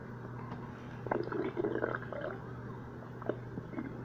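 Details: Low gurgling, bubbling rumbles over a steady hum from a hungry stomach; stomach rumbling.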